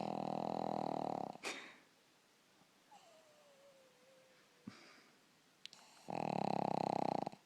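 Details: Sleeping pug puppy snoring very loudly: buzzing, rattling snores, two long snoring breaths separated by a quiet pause; snoring.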